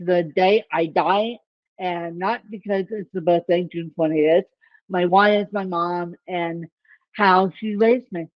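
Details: Dysarthria in an adult woman with ataxic cerebral palsy; the type of speech impairment is not named.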